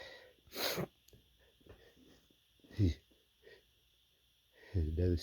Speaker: Oh my God, that was a lot of sneezes.